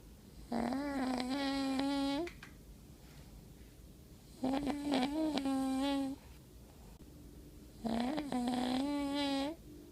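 Three long buzzing, tonal snores, each about one and a half seconds, with quiet pauses between, about 17 a minute; snoring during sleep.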